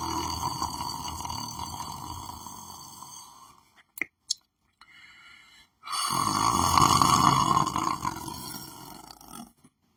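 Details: Person lying on the floor of their room, sleeping: loud rough rattling breath sounds, pausing briefly, then resuming; snoring.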